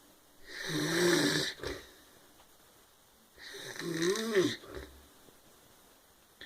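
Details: Brother sleeping, who denies snoring: two loud, rattling snores with a buzzing, vibrating quality on breathing in, separated by a quiet pause; snoring.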